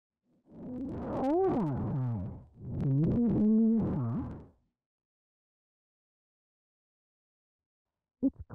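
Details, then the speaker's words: Simulation of severely distorted speech as heard by a child with auditory neuropathy spectrum disorder: a sentence sounds muffled, warbling and smeared, with no clear consonants or words. "you will hear a sentence repeated four times the first sentence as an example of how severely distorted speech may sound"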